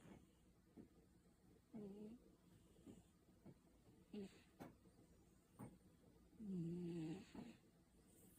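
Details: Sleeping cat snoring, possibly dreaming: soft rhythmic snuffling breaths with a few rasping snores; snoring.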